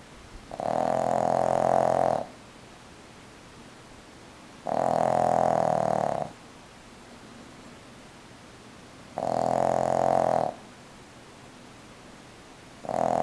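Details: Loud, rough, rhythmic snores about every four seconds, around 14 a minute, quiet between; ordinary snoring.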